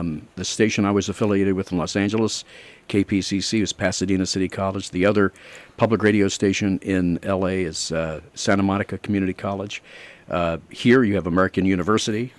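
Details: Adult man speaking; normal speech.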